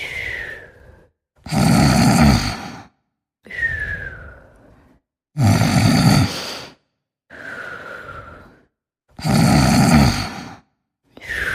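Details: Sleeping and snoring, cartoon-like, about 16 breaths a minute: loud rattling snores alternate with a falling whistle on each breath out; snoring.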